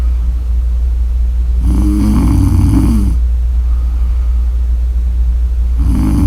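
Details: Snoring during sleep: two loud, rough, rattling snores on breaths in, about four seconds apart, over a steady low hum.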